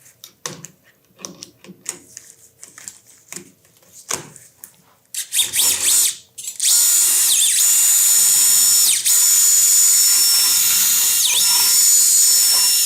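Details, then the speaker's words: Scattered clicks, then a loud sustained high-pitched power-tool whine with brief dips: a powered reamer reaming the tibial medullary canal through a soft-tissue protector before Expert tibial nail insertion, with the nail sized one below the reamer. "Con ayuda de un protector de tejidos blandos protegemos la parte tendinosa y empezamos el rimado intramedular."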